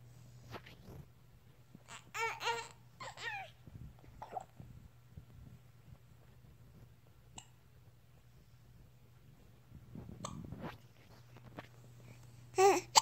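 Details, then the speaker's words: Infant boy with hiccups: short, abrupt hiccups at irregular intervals, with babbling, brief laughter and a steady room hum; tummy grumble noted afterward. "Those are some hiccups, pal."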